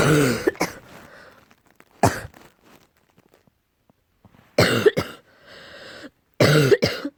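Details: Coughing tagged with allergy: several loud, deep, harsh coughs in short bursts, with throat clearing between them, in a quiet room.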